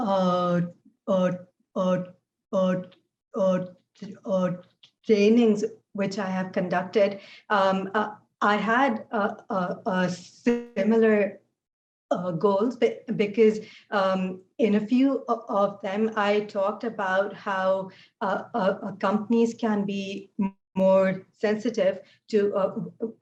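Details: Adult woman with a real stutter, speaking in her own voice; she says fasting and poor sleep made her speech harder that day; stuttering.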